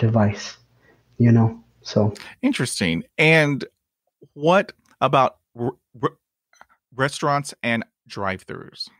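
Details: Adult man who stutters, speaking English as a podcast host; he describes blocks and repetitions in his own speech; stuttering.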